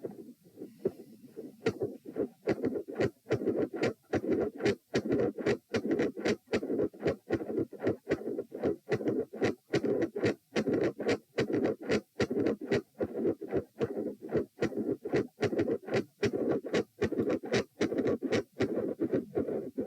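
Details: Loud heart sounds recorded at position p with the patient lying down during manoeuvres to provoke murmurs: split first and second heart sounds with a midsystolic murmur.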